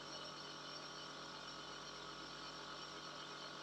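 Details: Steady hum and hiss of a home nebulizer compressor running continuously with the face mask on while the medicine mist is delivered, shown in a nursing demonstration.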